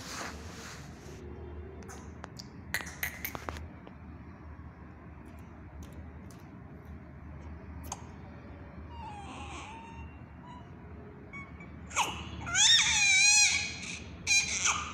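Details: Full-term newborn baby: quiet room noise, then a few short, high-pitched newborn cries in the final seconds.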